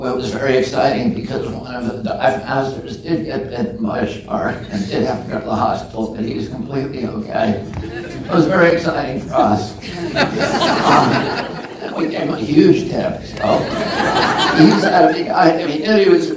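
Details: Real case: adult man with spasmodic dystonia, onset at age 42 after a previously strong voice; he says it makes his voice tremble, becomes less noticeable or goes away after speaking a while, and is painless. Spasmodic dysphonia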